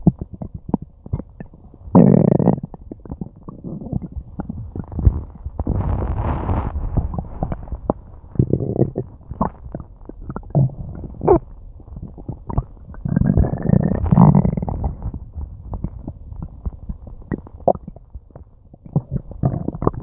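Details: Active bowel sounds (borborygmi) from a gut struggling to digest an unknown meal: loud, frequent gurgles, growls and low groans.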